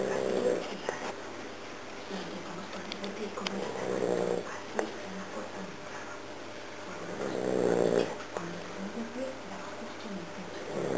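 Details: Recurring rough, fluttering snores on inhaling, about three breaths, with clicks and room noise in the background; snoring during sleep, recorded while testing monitors.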